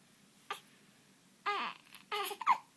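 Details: 2-week-old baby girl who gets hiccups at least twice a day, heard with hiccups this morning, gives three short fussy infant cries with a clear voiced tone, separated by pauses in a quiet room.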